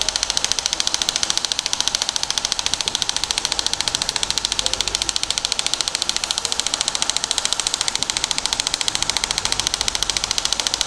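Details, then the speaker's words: Radial shockwave treatment of plantar fasciitis on the foot's plantar area with a 15 mm linear head, shifting by 15 mm: rapid, steady clicking at about 14 shots a second, 1000 shots; shockwave device firing. "so we're finished a thousand shots get done really really quickly and 14 shots a second"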